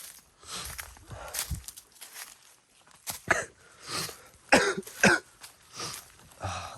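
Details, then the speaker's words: Adult man who is unwell gives a series of short, harsh coughs, several sharp and a few softer, with footsteps and faint outdoor noise behind; cough. "ทุกคนก็อย่าเพิ่งรำคาญผมนะผมก็ไม่สบายดก็จะมีเสียงไอเสียงอะไรด้วยนะ"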